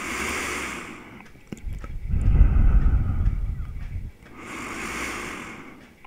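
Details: 50-year-old Finnish man with pacemaker, diabetes and obesity (150 kg, 186 cm); loud, labored heavy breathing with hissing intake and deep rumbling out-breath in slow repeating cycles.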